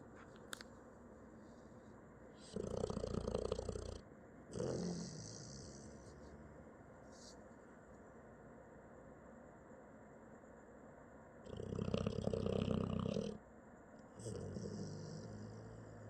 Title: Zeus snoring 💤